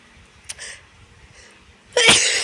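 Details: Sneezing: a small sharp sniff and hiss, then one loud, explosive sneeze-like burst.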